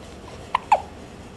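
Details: Hiccups from a male who is a frequent hiccuper: two short, sharp hiccup sounds close together over quiet room noise; hiccups.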